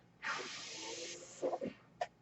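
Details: Mechanical ventilator sound heard while the user speaks: a steady rush of air for about a second, then a few soft mechanical tones and a brief click, the ventilator's breath-delivery cycle.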